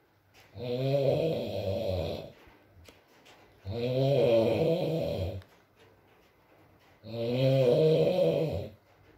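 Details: Recording of a sleeping man (boyfriend) snoring: three drawn-out, groaning snores about every three seconds with quiet pauses between them in a quiet room; snoring.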